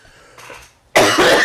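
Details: Sudden loud, harsh adult cough after a brief quiet pause, running to the end; the speaker reports a recent asthma attack.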